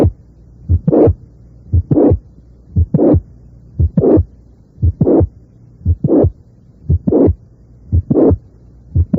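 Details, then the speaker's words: Mitral regurgitation with a mid-systolic click, possibly from the mitral valve or chordae tendineae, followed by a late systolic murmur; regular heartbeat about 58 per minute. "a veces el soplo se inicia con un chasquido meses históricos y la evidencia reciente indicaría que también el testigo puede ser producido tanto por la válvula mitral como por las cuerdas tendinosas figura 5"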